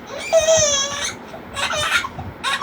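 A baby cries in high, wavering bursts, with a sustained wail followed by shorter sobbing cries.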